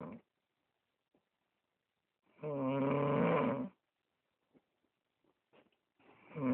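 A single rattling, vibrating snore of about a second, with faint breath sounds and quiet around it. Snoring.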